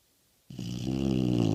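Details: American Bulldog: a single deep, rattling, fluttering snore starting abruptly after a moment of silence; dog snoring.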